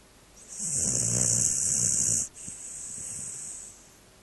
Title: Indigo the snoring dog!